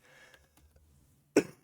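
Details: Adult livestreamer recovering from an illness, now 24 hours without fever: after a quiet stretch with faint room noise, one sudden, forceful cough burst with a brief tail. A single cough.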